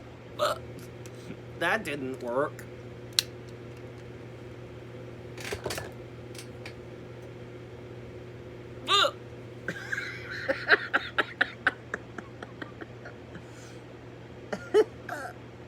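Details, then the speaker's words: Person in a hiccuping fit, sometimes triggered by eating or drinking too fast, later stopped by drinking water: several sharp, abrupt hiccups spaced seconds apart over room hum, likened to stepping on bullfrogs. "well now you've seen how i sound whenever i have hiccups"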